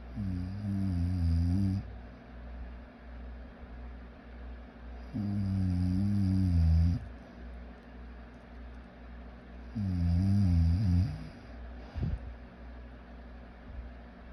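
Long, buzzing, slightly wavering snores about every four to five seconds, with quiet breathing between: snoring.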